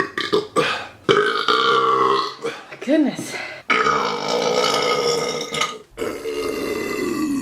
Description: Haven't done a Burp compilation in a while. Enjoy some of my finest caveman style burps.